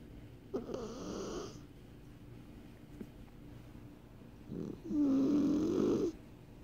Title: Snoring Persian Kitty